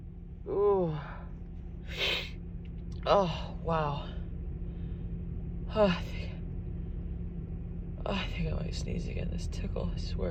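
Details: Woman with a cold and stuffy nose: several sharp voiced in-breaths and sighing gasps, false starts before a sneeze, followed by a short burst; low room hum.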